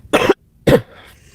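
Two short, fairly dry coughs in quick succession from an adult.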